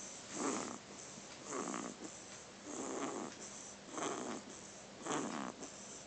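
Soft, rough, snuffly noises come with each breath, nearly one a second, over steady hiss: snoring in a baby.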